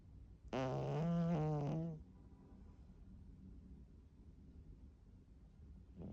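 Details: Cat (foster cat) snoring while sleeping face-planted: a single loud, buzzing, vibrating snore lasting over a second, followed by quiet breathing and the start of another.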